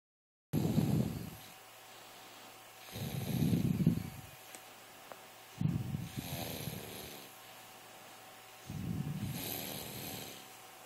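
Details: Snoring from a male that co-sleeps with the owner: loud, rattling snores in regular bursts about every three seconds, with quieter breathing between them during sleep.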